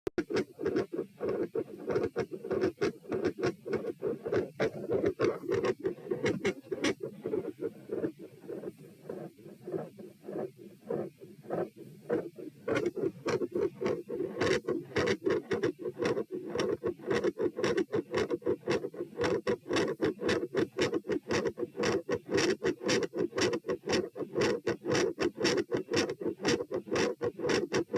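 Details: Heart sounds recorded at position P while moving from sitting to standing, rate rising from 96 to 132 bpm, with a loud, fast first sound and a murmur: postural tachycardia with loud S1 and murmur.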